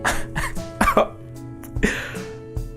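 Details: Several short explosive coughs and throat-clearing bursts over a steady background hum and music, while deliberately tickling inside the nose with an object to provoke sneezing; cough.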